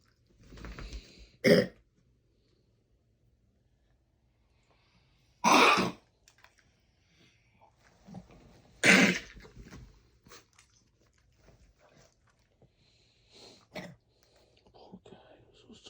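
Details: A dog coughing hard: several loud, harsh, forceful coughs separated by quieter throat sounds.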